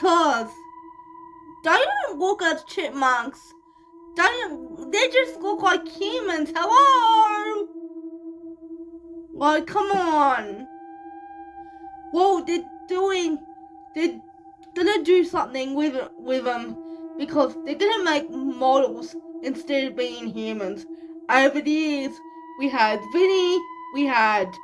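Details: 25-year-old woman living with cerebral palsy, speaking in her vlog; dysarthric speech in cerebral palsy.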